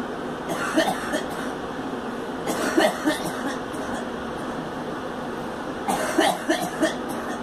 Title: Girl coughing